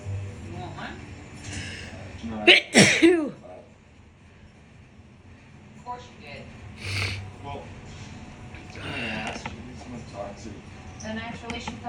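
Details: A forceful sneeze with a sharp burst amid talking and background TV audio, from someone sneezing often during a COVID infection.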